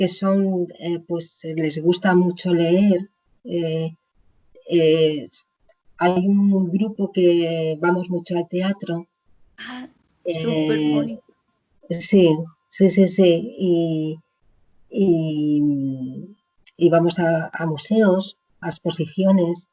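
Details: Woman with chronic aphasia after a stroke about 20 years ago, speaking in an interview.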